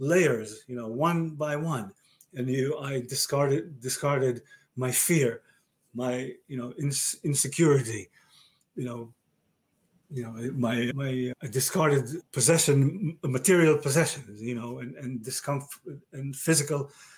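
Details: Male stroke survivor with aphasia diagnosed after a stroke about 30 years ago; aphasia.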